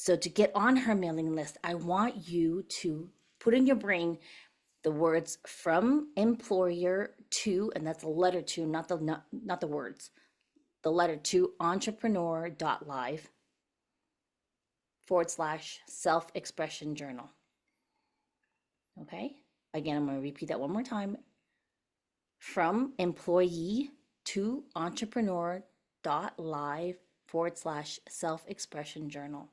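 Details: Adult woman speaking; typical voice.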